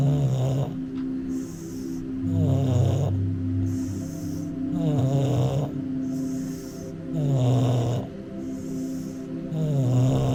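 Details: Bulldog falling asleep: regular snorting snores with each breath, about 25 a minute, over a steady background hum and faint music; typical flat-faced dog snoring.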